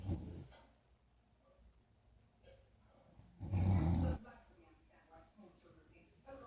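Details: Golden Retriever and his owner napping together: deep, rumbling snores about 3.5 seconds apart, with quiet breathing between them; snoring.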